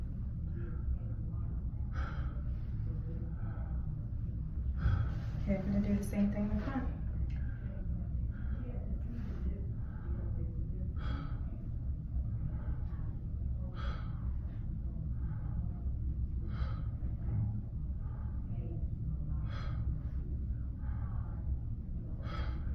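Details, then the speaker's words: Slow, repeated deep breaths heard through a stethoscope on the back during a head-to-toe assessment; soft and airy, no wheeze or rattle; lungs clear. "Okay, lungs sounded clear."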